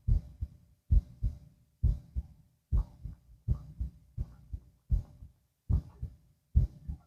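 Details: Normal heart sounds.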